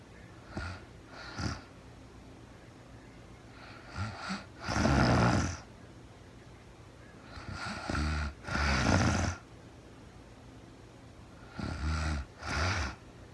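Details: A woman sleeping in real time, with no talking, snores rhythmically and low with a rattle on each breath, at about 16 breaths a minute, with quiet pauses between.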